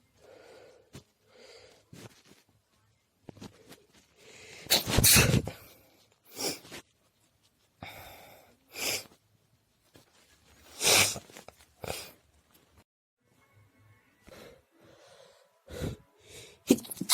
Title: Quiet sneezing